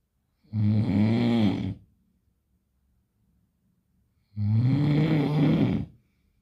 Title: Snoring original meme #trending #snoring #snor snor